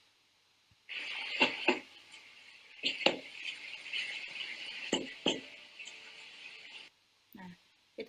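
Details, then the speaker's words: Demonstration of abnormal chest percussion, described as flat, contrasted with the normal resonant note: three pairs of short, muffled taps over a steady hiss; dull percussion note. "Nah, hampir mirip ya yang flat ini hampir mirip seperti dulu ya."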